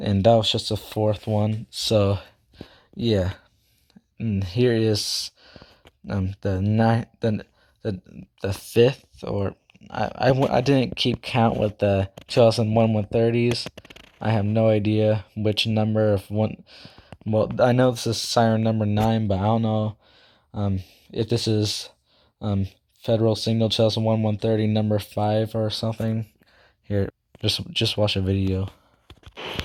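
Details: Self-reported stuttering in a male speaker who also says he talks too fast and cannot speak properly; stuttering.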